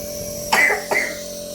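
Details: Child coughing while a nebulizer is set up for inhaled medicine: two short, harsh coughs over a steady machine hum in a small room.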